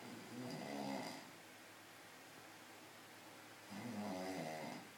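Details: Loud snoring from a sleeper: two long, rumbling inhaled snores with a fluttering, buzzy quality, separated by a quiet pause, in a small room.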